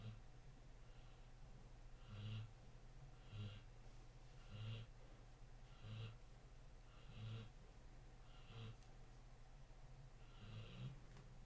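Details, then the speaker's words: Dog snoring in the background in a steady rhythm, each breath a soft snorting rumble, about 45 a minute. "no no no if you hear the snoring in the background that's my dog no letting it out he's not dying I swear"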